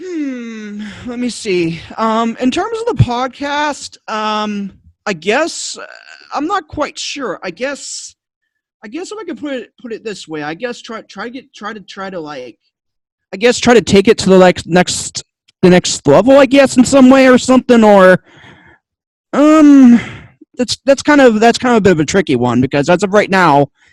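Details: Stuttering in an adult man who attributes it to another of his two diagnoses; he says he stutters a lot, especially when struggling with what to say.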